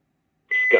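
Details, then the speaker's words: Philips HeartStart FRx AED in infant/child mode, Polish voice prompts: silence, then a sudden steady electronic beep as a voice begins, telling rescuers to stand clear during rhythm analysis, before a shock is advised and delivered. "Odsuń się od pacjenta trwa analiza rytmu serca Odsuń się od pacjenta trwa analiza rytmu serca"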